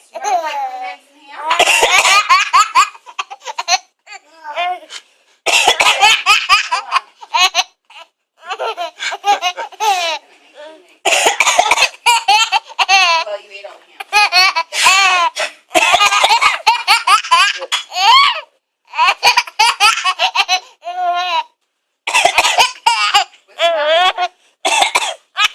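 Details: Young child giving repeated playful, deliberate coughs mixed with giggling and voiced squeals in a small room; voluntary cough.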